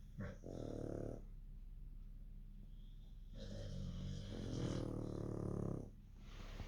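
Low rumbling, buzzing breaths repeating during sleep; a dog snoring.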